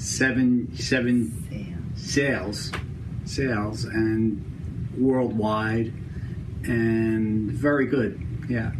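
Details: Broca's (non-fluent) aphasia in a man, following a stroke seven years earlier; effortful speech.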